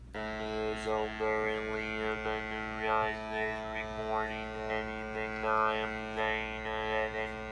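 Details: Electrolarynx speech from a student prototype hands-free electrolarynx necklace for people after laryngectomy: flat, buzzing monotone speech over a constant mechanical drone.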